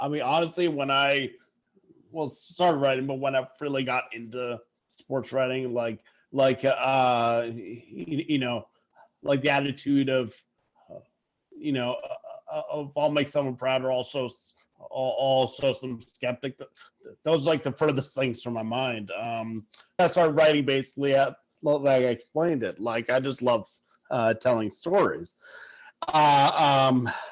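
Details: Adult man who stutters, first seeing speech therapists around age four; repetitions, fillers and broken phrases; stuttering.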